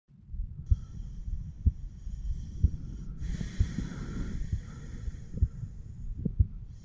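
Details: 34-year-old man's self-auscultation with stethoscope over mitral, tricuspid, pulmonary and aortic areas: steady, regular normal heart sounds at about 62 beats a minute, no added sounds.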